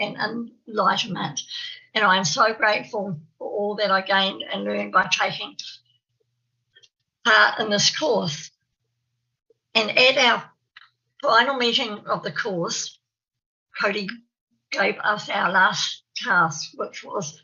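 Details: Adult woman who describes herself as having a stammer, giving a presentation; stuttering.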